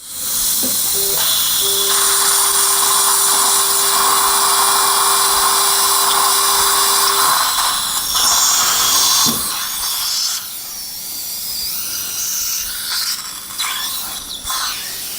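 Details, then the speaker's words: 63-year-old man, guided (OneGuide) implant site preparation at upper #16, 4.5 by 10 mm drilling in poor-quality bone: loud high-pitched steady drill whine, then quieter suction and instrument noise; dental implant drilling. "4.5 by 10 millimeter drilling is done. Bone quality is not very good."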